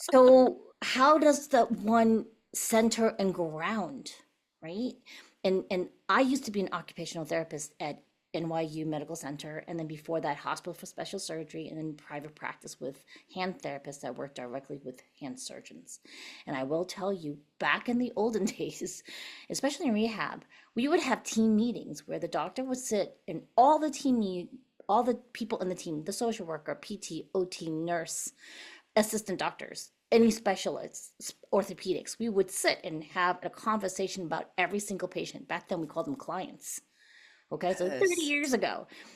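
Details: Adult woman speaking; typical voice.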